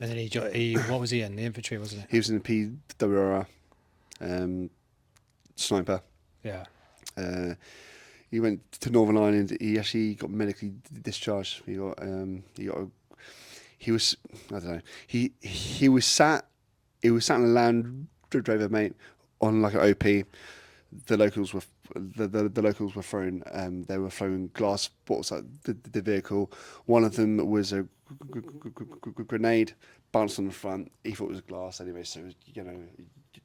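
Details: Adult man with a lifelong stutter; a speech therapist linked it to brain-to-mouth-muscle signalling, breathing and speech timing: stuttering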